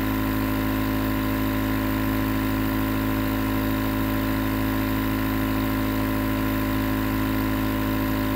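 Steady, unbroken motor hum with a fast buzzing throb, the constant drone of a running nebulizer compressor.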